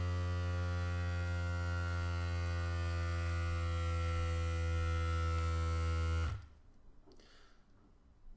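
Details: OMRON Pro Logic PL100 upper-arm blood pressure monitor, cuff refitted above the elbow crease: low, steady buzzing pump hum for about six seconds as the cuff inflates, then it cuts off abruptly.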